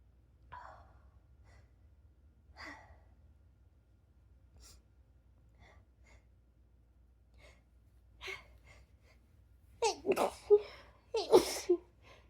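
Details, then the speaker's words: Quiet sniffs and breaths while the nose feels tickly and itchy around the nostrils, then two loud, voiced sneeze bursts close together at the end; sneeze. "God, I keep feeling like I'm right on the edge of a sneeze."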